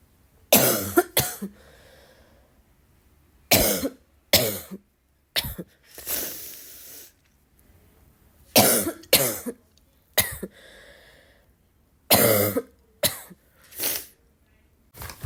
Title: I woke up coughing like this